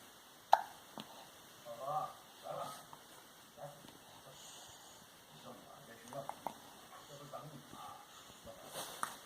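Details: Colicky, gassy baby boy hiccuping and farting at the same time: several sudden sharp catches over soft baby sounds and faint talk in a quiet room.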